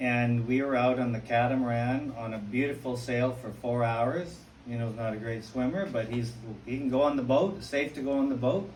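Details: Adult man speaking; typical speech.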